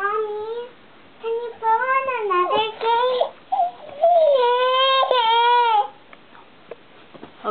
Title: crying